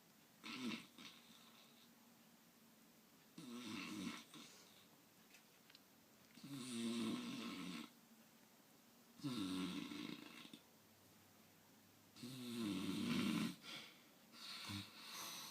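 Loud, rough snores at about 5 breaths a minute in a quiet room; typical snoring.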